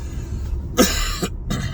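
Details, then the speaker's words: Adult with a congested head and voice, up all night coughing, coughs twice, a harsh burst then a second beginning, over a low steady rumble; cough. "Like it's almost like you can feel your head tightening from the pressure, and had a wicked cough."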